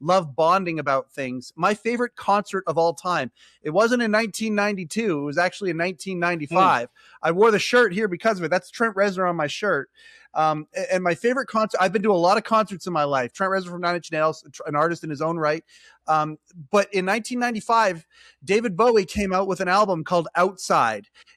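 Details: Adult man speaking; normal speech.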